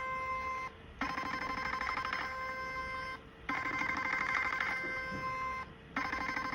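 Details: Steady electronic beeping in bursts of about two seconds with short gaps as a portable 7D HIFU handpiece fires a 4.5 mm cartridge over cooling gel during face-lift treatment, working from down upward, with the client asked about comfort: HIFU machine firing.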